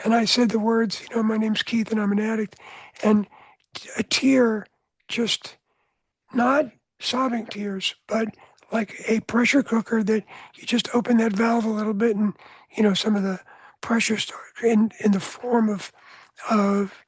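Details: Adult man with voice change after throat cancer treated with surgery, radiation and two years of experimental chemotherapy; no recurrence since.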